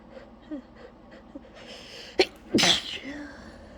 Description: you can literally hear how tired i am in my sneeze, lol